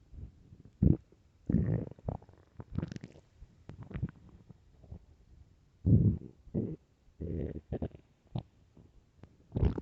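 Irregular low gurgles, rumbles and squelches in close succession; normal stomach growling on an empty stomach.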